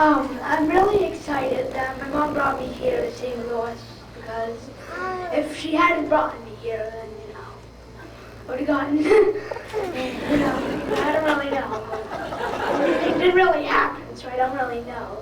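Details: Speech with a tracheostomy by a young man giving a short speech.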